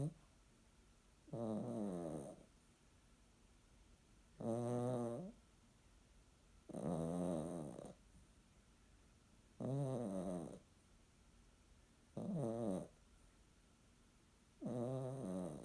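Regular, rattling, somewhat tonal snores at about 23 per minute, each lasting about a second, in a quiet room; snoring.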